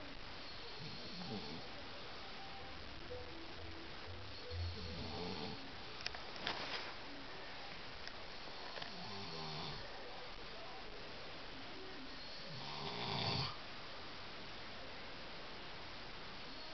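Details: Adult man (husband) asleep: several slow, rough, low snoring breaths with quiet pauses between, over faint room noise; ordinary snoring.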